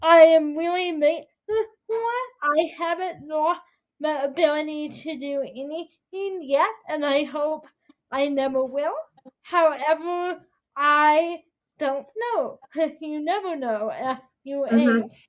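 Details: 22-year-old woman with spastic quadriplegic cerebral palsy affecting her whole body including speech, right side impaired, uses walker or wheelchair; dysarthria (cerebral palsy).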